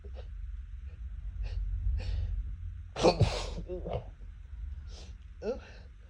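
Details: Person allergic to cats sneezing around a cat: a sharp sneeze with a quick in-breath before it, then smaller sneeze-like bursts and sniffs; repeated allergic sneezing.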